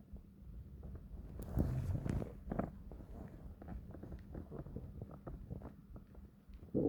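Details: Long, deep stomach growls: low rumbling gurgles rising and fading over several seconds, with a few louder bursts; ordinary borborygmi.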